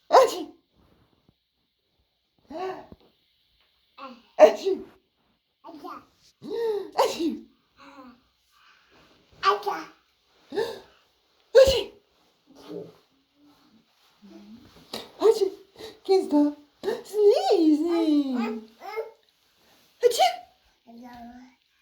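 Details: Twelve-month-old baby sneezing, both pretend and real sneezes, while playing with his mother; several short sneezes and playful imitations amid baby babble and an adult voice in a small room.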